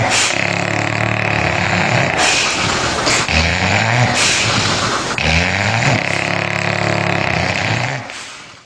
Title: Dog 's Snoring~~cute~